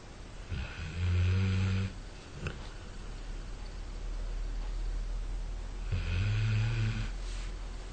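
Two deep, rumbling snores on the in-breath about five seconds apart, with quiet breathing between; ordinary dog snoring.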